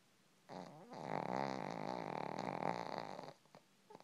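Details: A female shih-tzu, said to be very loud at times when asleep: a single long, rattling, vibrating snoring breath of about three seconds.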